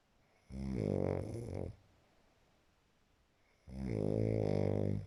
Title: Snoring as 2:46 am